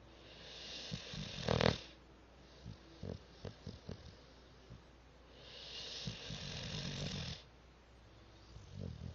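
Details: Cat snoring loudly: two long, rough, rattling breaths about five seconds apart, with a few soft snorts between them.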